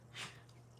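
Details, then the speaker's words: Single sharp, hissing nasal burst of a dog sneezing against a steady room hum. The owner says he sneezes often and is fine. "That's my dog sneezing. He's fine. He does that often."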